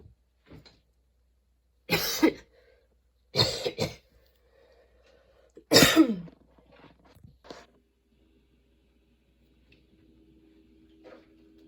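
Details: Sudden-onset, unexpectedly long nonstop coughing fit that kept worsening, bringing tears and constant position changes: several harsh, wet coughs in quick clusters with gasping breaths and throat clearing between; coughing fit.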